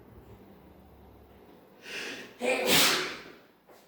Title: Today 10 sneezes in a row (M)